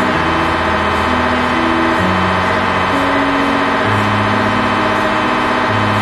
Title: MRI machine #mrincredible #shortsvideo #pathology #fullbody